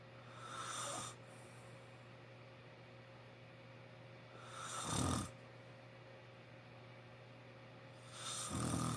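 Three loud, rough snores about every four seconds over a steady room hum: heavy snoring.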